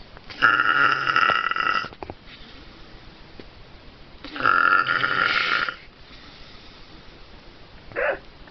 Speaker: That is the weirdest snore I've ever heard.